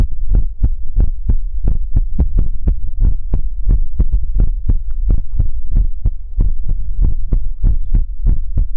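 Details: ASMR relaxation livestream heartbeat sound: steady, deep thumping in regular two-part beats at roughly 95 a minute over a faint hum.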